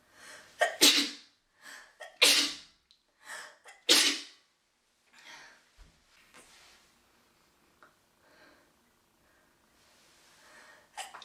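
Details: Young woman sneezing while vaping: three loud sneezes in quick succession, followed by quieter breathy exhales and faint noises.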